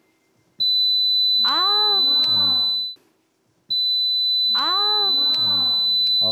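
A steady, piercing high-pitched electronic tone plays twice, each time for about two to three seconds, with people's voices exclaiming over it. It simulates tonal tinnitus, a ringing heard in the ear or head when no outside sound is present.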